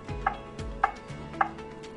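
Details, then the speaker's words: Evenly spaced short metronome tones with soft thuds, about 105 per minute, from a ZOLL AED 3 after 'no shock advised, start CPR', pacing chest compressions in a simulated demonstration. "no shock advised start CPR push to match the"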